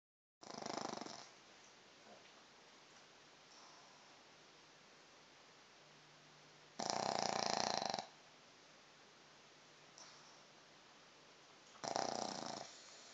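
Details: Pug dog snoring: three loud, rough snoring breaths at irregular intervals, separated by quiet breathing in a small room, recorded on an Android phone.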